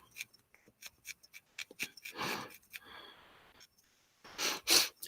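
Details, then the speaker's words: Repeated soft, sharp sneeze bursts and a stifled sneeze with breathy intakes in a quiet room, during a live needle-felting session; the person remarks they are going to sneeze again, showing repeated sneezing. "super gonna sneeze again. This is very annoying."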